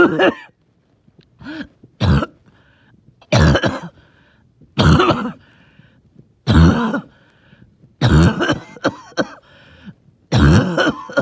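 About seven harsh, wet coughs with throat clearing and faint whistling between them; a phlegmy, wheezy productive cough.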